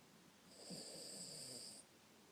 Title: Yoda snoring 2